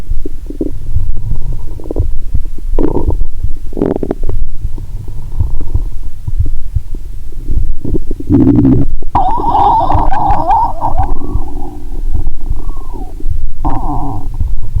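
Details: Bowel sounds via stethoscope on the abdomen while lying down, after drinking 1.5 L cola with Mentos: low rumbling gurgles come and go with brief squeaky, tonal bursts over steady low background noise; heart sounds also audible; active bowel sounds.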